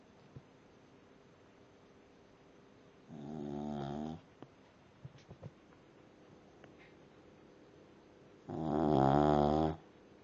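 Two loud, rattling snores about five seconds apart, with soft clicks in a quiet room between them; ordinary snoring.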